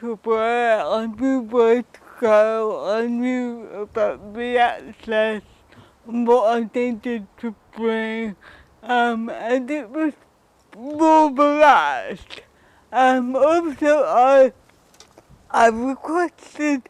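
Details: Adult woman with cerebral palsy and dysarthria who reports that her speech is often not understood.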